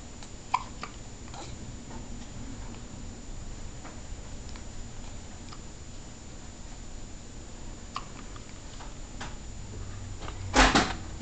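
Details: Twins hiccupping at the same time: brief, sharp, irregular hiccups over a steady background hiss, with a louder noise near the end.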